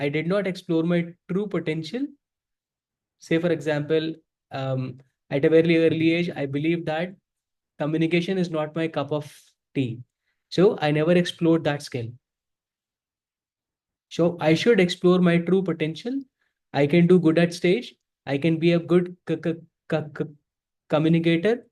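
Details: Adult man who self-identifies as a person who stutters and says he is very ashamed to stutter in front of people; real, unscripted speech showing stuttering.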